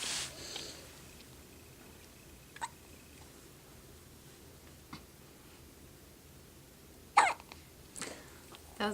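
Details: Baby with hiccups right after finishing a full bottle: several brief, sharp hiccups spaced a few seconds apart over quiet room noise, with soft baby noises; hiccups.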